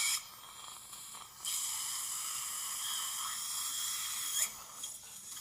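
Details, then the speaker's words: Steady high-pitched hissing, slurping surgical suction with brief pauses, keeping the site dry while the buccal flap is released during vertical ridge augmentation of a resorbed lower right posterior mandible with a failed implant in a male patient. "I'm going to the base of the flap to start to release so going to keep it nice and dry here"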